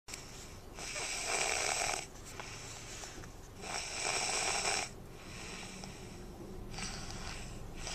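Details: Snoring recorded on a Flip Video camcorder.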